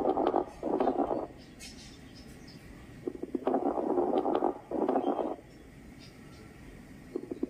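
Breath sounds through a stethoscope with low, bubbling, popping crackles, coarse crackles from fluid or secretions in the airways.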